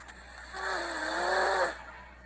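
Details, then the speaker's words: A single loud, rough, droning breath lasting about a second: snoring in the owner's companion, said to snore just like his father, a family trait. "aqui é o meu parceiro roncando é igualzinho o pai dele o pai dele ronca igual essa é de família"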